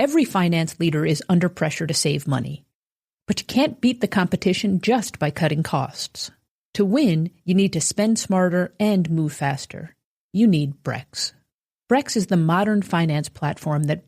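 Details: Adult speaker, advertisement narration; Normal speech.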